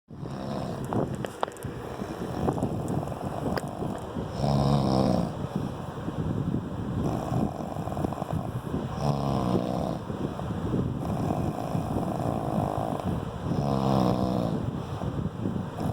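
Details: Rough, rattling snores recurring every few seconds over steady low background noise, keeping the listener awake; ordinary snoring.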